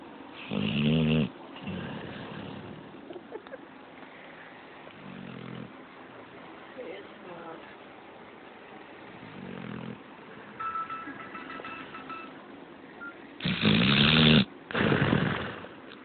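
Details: Doobie snoring during sleep: loud rattling snores at irregular intervals over quieter noisy breathing.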